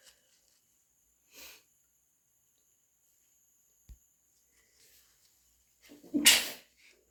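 A soft sniff and a build-up, then a half-stifled sneeze in a quiet room, consistent with allergic sneezing.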